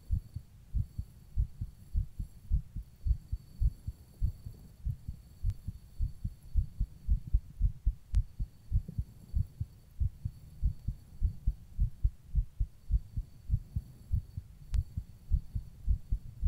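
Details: Regular low thumping heartbeat at about 105 beats per minute, slightly fast, with a faint steady hum, recorded while rebreathing in a plastic bag.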